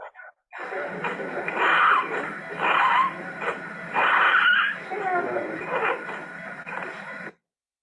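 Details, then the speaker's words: An infant with repaired type 3 esophageal atresia with distal fistula is crying, with a rattling noisy breath at the ends of cries; expiratory stridor and tracheal rattle without inspiratory stridor, from tracheomalacia. "Fíjense que cuando llora al final de llanto tiene un ruido que llamamos estertor traqueal. No tiene estridor inspiratorio, tiene solo un estertor traqueal."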